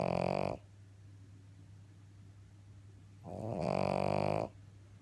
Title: This snoring dog is so cute it makes you want to cuddle her! Breezy pug :)